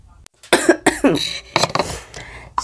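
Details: A few short, harsh cough bursts, some with throat-clearing quality, in a quiet room, from an adult with COVID-19 (tested positive, probably omicron) with cough, sore throat, fever, chills and fatigue.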